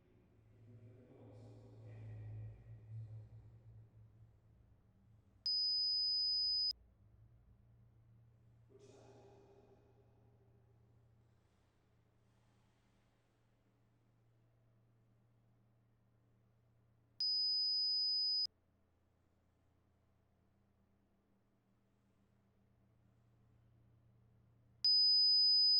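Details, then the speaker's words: Three steady, high-pitched pure beeps, each about a second long and spaced well apart, played through a headset during a simulated (ASMR role-play) hearing test; listener indicates which ear hears them: audiometry tones. "when it goes on your ears it's gonna you're gonna hear a ringing from either one side or the other side and you try to tell me which side you hear off of okay"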